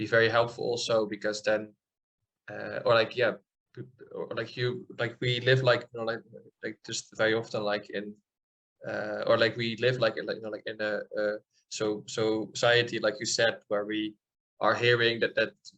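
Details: 28-year-old man from the Netherlands with stuttering since childhood, noticed at about age seven, treated with speech therapy; adult who stutters speaking in an interview; stuttering.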